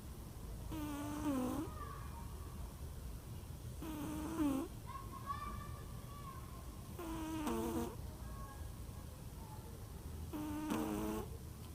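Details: Sleeping pet cat with a loud snore: slow, rough, buzzing breaths about every three seconds, roughly 19 a minute; snoring.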